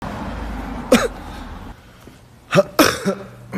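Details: Coughing and sneezing: a few short, sharp isolated cough bursts, then a sneeze-like burst, against quiet room noise.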